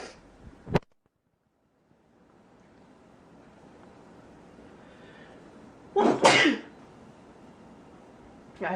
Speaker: I hate spring. Yeah, I have like, it tickles my ears, it tickles my throat. It's allergies, I know, it's not a cold.